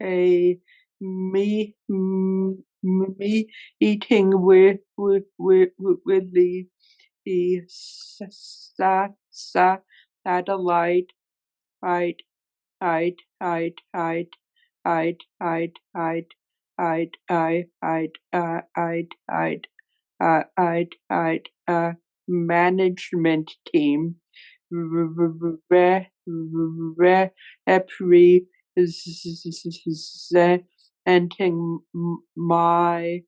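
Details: Real, self-identified stuttering in a male webinar moderator who stutters, leading a workplace panel of people who stutter; finding: stuttering.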